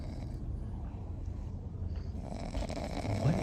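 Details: French bulldog asleep in a car back seat after tearing it up: low, rumbling, fluttery snoring rising slightly near the end, over faint car-interior hum.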